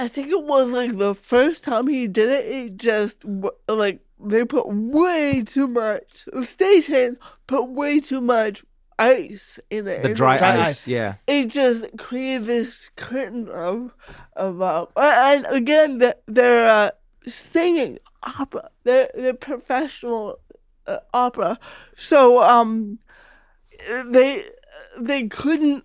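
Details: Real speech of an adult woman, a stand-up comedian who grew up with cerebral palsy; her speech was noticed as different by age five; dysarthria (cerebral palsy).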